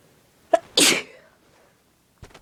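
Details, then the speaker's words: Person with a bad cold for about 3 days, runny nose, sore throat and fever: a quick intake of breath, then one forceful, wet sneeze and a brief sniff; strong, messy cold sneeze. "Ugh, I've got a cold. Sneeze. They're really strong. And my nose is running really bad."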